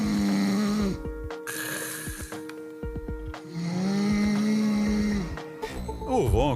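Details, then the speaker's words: Two long, buzzing, strongly pitched snores about three seconds apart, with faint background music and clicks; snoring, attributed to air vibrating flaccid throat tissue that narrows or obstructs the airway. "ronco é um som causado pela vibração do Ar ao passar por uma garganta acontecido flácido esse tecido pode obstruir ou estreitar a passagem do ar é o que provoca o bagulho"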